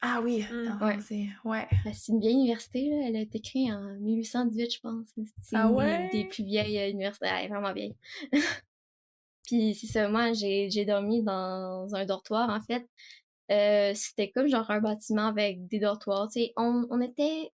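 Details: Stuttering in an 18-year-old female student, diagnosed at about age 4; French speech.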